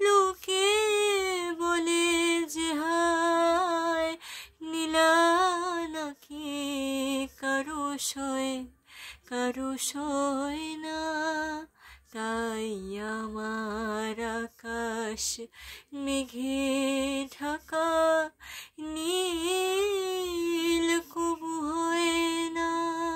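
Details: Patient singing a Bengali song after cleft palate repair, presented as showing a high-pitched, sweet singing voice is possible after the operation.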